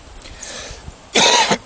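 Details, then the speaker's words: Adult man with a severe cough that kept him from sleeping; his wife suspects recently arrived possums caused it, and he says it is not tuberculosis. A single harsh cough burst in a quiet room. "That's too much of a coincidence. Just so happens you started coughing right after the possums got here."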